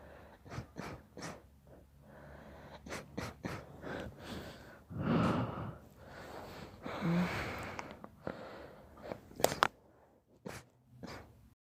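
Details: Several soft, quick, quieter sneezes and snorts with nasal breathing between them; repeated mild sneezing.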